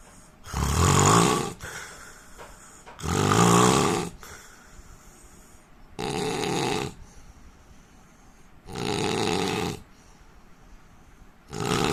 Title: Indian man snoring sound